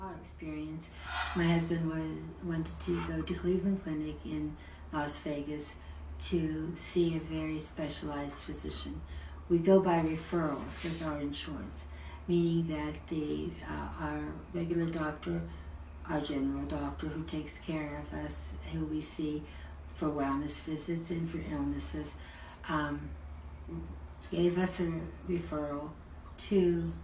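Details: Adult woman; normal speech.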